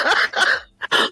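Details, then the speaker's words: About four rough, noisy cough bursts from an adult woman, the last two short and close together. She attributes it to sinus infections, not smoking, and mentions vocal cord trouble while on prednisone: cough. "Don't mind my cough, y'all. Sounded like I got a smoker's cough, but I really don't. It's called sinus infections."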